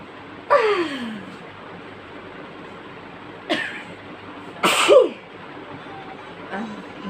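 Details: Sisters' sneezing fit induced with chikni powder: a run of forceful sneezes close together with softer sneezes between; sneezing fit.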